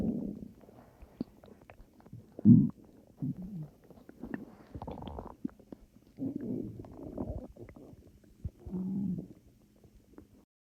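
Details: Soft gurgles and low rumbles in scattered bursts with quiet pauses; calm stomach growls possibly from swallowed air (uncertain), ordinary borborygmi.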